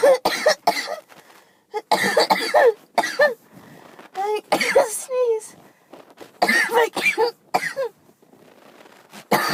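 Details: Chesty cough during a very bad cold that went to the chest: repeated harsh, loose coughs in bursts with throat clearing and strained breaths between; sneezing all day reported.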